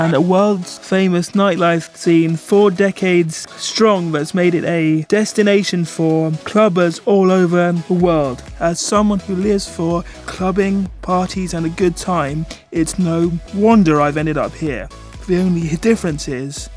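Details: Man with cerebral palsy affecting his movement and speech, a wheelchair user; dysarthria (cerebral palsy).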